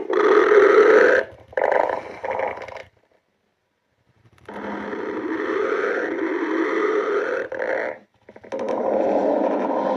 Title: Encore GF stomach growling